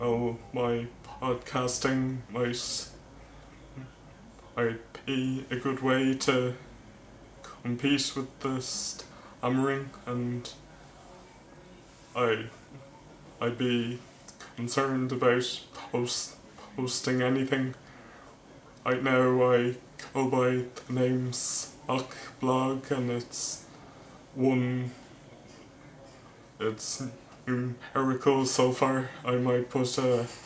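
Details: Male vlogger who stammers, speech with word repetitions; stuttering.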